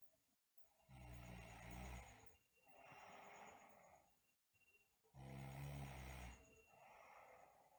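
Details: Sleeping girl with snoring and bruxism: deep, loud rumbling snores on breathing in, each followed by a softer breath out; snoring.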